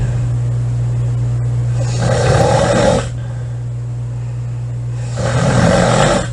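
Loud rasping snores on breathing in, about every three seconds, over a steady low hum of room noise.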